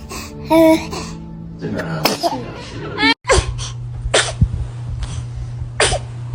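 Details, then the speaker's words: Baby sneezing: small, quick infant sneezes and snorts amid adult talk, laughter and background music. "Oh goodness. Were you about to sneeze? >> Oh, bless >> you."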